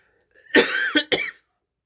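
An adult gives a short burst of three quick coughs in a quiet room.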